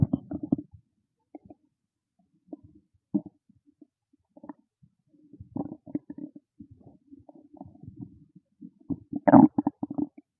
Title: Hungry Stomach Growling Loud FULL VIDEO FOR CHANNEL MEMBER #stomachnoises #stomachgrowl #stomachasmr